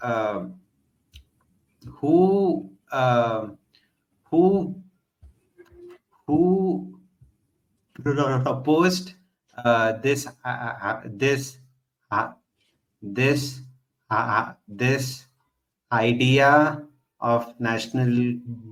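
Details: Man who stutters, speaking spontaneously as a podcast host, repeating a word several times; stuttering.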